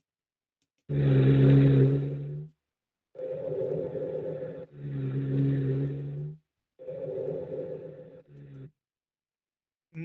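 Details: Recorded lung sound played for an exam listening quiz: coarse, low-pitched, snoring-like continuous sounds through repeated breaths, no high-pitched wheeze; labeled rhonchi, though described as subcrepitant with larger bubbles.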